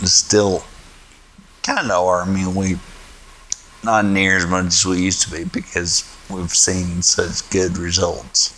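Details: Man, 38, with genetic spinocerebellar ataxia type 1 inherited from his father, symptoms from about age 30, recorded during stem cell treatment; he calls his speech a little slurred, much worse before treatment; ataxic dysarthria.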